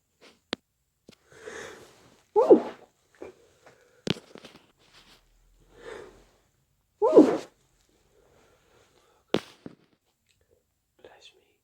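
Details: Late-night sneezes held quiet-ish while staying with parents at Christmas: two forceful sneezes with sniffing, a nose blow and small clicks in a quiet room.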